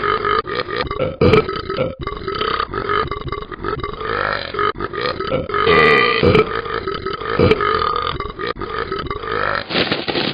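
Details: A simulated burp from the animated dog character in the Talking Ben app: one very long, rumbling burp lasting about ten seconds, with a continuous throaty vibration.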